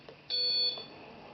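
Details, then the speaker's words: Single short high-pitched beep as a Löwenstein Luisa home ventilator starts therapy on a test lung (simulated patient) after a successful circuit test; normal device alert, quiet room. "therapy. And that was the circuit test on the Luisa ventilator from Lowenstein medical."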